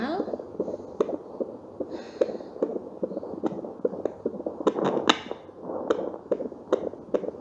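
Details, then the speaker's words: Fetal heartbeat through a home fetal Doppler on a pregnant woman's abdomen: rapid, regular beats, rate and rhythm within normal limits. "nah ini merupakan Detak jantung janin ya jadi di monitor ini menunjukkan angka 123 itu tandanya dc-nya normal selain itu juga kita bisa mendengarkan iramanya ya ini kan artinya iramanya teratur ya"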